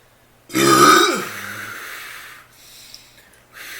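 One loud, drawn-out, rumbling belch that trails off, followed by faint room noise; a burp.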